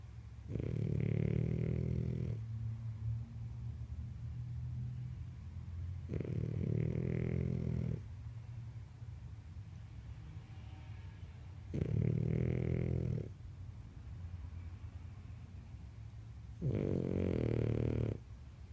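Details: Snoring during sleep: four rattling snores on the in-breath, each about two seconds long, roughly every five seconds (about 12 breaths a minute), with quieter breathing between.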